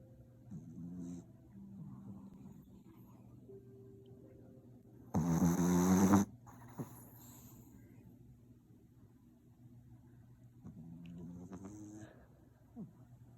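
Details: Sleeping French Bulldog puppy that usually sleeps quietly but snores when tired: soft, rhythmic snoring with one louder snorting burst partway through.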